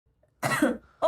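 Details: Girl giving a single short, voiced cough, followed by the start of another sound; cough.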